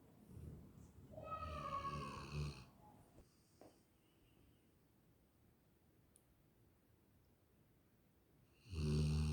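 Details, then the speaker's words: Sleeping Labrador dog snoring with a heater running: two clear, low rattling snoring breaths separated by a quiet pause, with faint room hum. "Hello friends, देखिए किस तरीके से हनी सो रहा है खर्राटे लेते हुए।"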